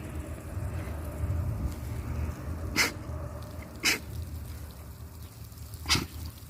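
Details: A pig on a farm sneezing.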